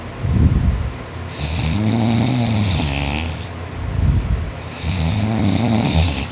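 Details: Boy snoring nonstop in sleep after an extra-hard day of work; he says he snores louder when tired. Loud, rough, low snores with a raspy rattle on each breath, about two breaths heard; heavy snoring.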